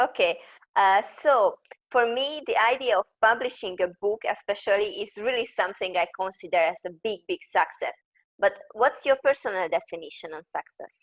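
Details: Adult woman speaking; ordinary fluent speech.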